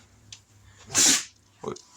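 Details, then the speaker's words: A single sharp, hissy sneeze from a female dog indoors, followed by a brief snort. "Sorry guys, that noise is my dog. You already know she sneezed."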